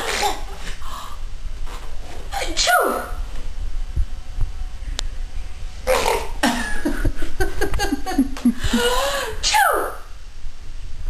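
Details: Six-month-old infant sneezing: several sharp, explosive sneezes, each preceded by a rising catch and separated by brief breaths, over steady room noise.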